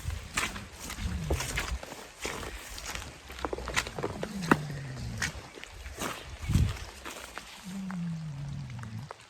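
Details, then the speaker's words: Several pigs snoring together in their shelter on a farm, recorded while checking on them as they settled in. "There's multiple snoring going on."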